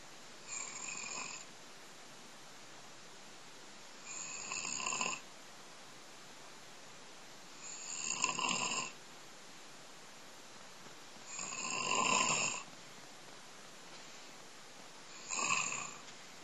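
Five rough, rattling snores about every four seconds, roughly 15 a minute, with quiet gaps between. Ordinary snoring.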